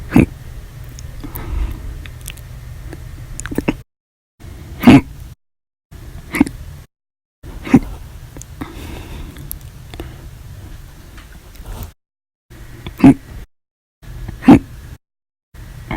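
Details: Audio-only recording of repeated hiccups (described as violent, loud, silent, minute), several sharp abrupt gulping sounds at irregular intervals separated by edited silent gaps.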